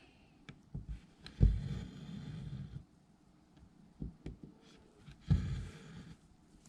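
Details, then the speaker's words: Soft, low rumbling snores from a pet named Loki lying nearby, two long breaths a few seconds apart in a quiet room. "Loki's snoring. Sorry if you can hear him. It's not that loud right now, but it's kind of cute."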